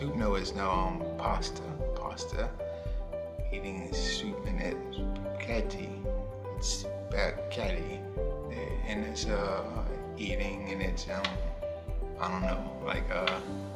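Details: Male stroke survivor with aphasia from a stroke 2 years earlier, doing a picture description; aphasia with word-finding difficulty.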